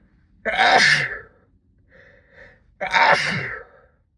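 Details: Sixteen-minute sneezing fit brought on by cold weather, muffled into a sleeve: two forceful, partly muffled sneezes with a soft breath between them; sneezing fit.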